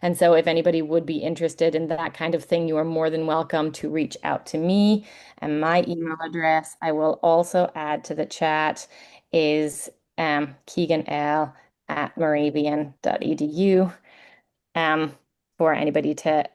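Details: Adult woman speaking; ordinary speech.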